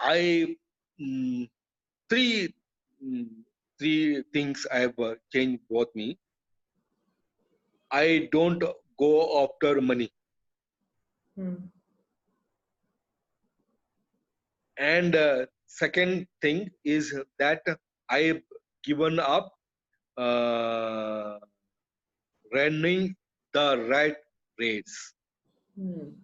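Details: Adult male, years after a stroke hitting the speech centre with total speech loss, relearned speech through speech therapy; still has trouble finishing sentences: non-fluent aphasia after stroke.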